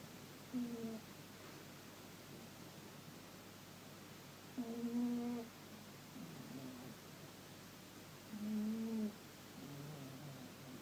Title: My cat snoring